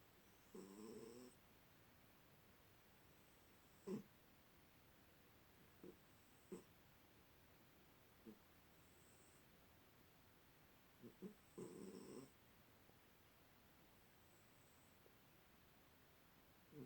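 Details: Cat asleep upside down after a tummy rub: quiet, soft, low rasping snores recurring every few seconds over faint room hiss; cat snoring.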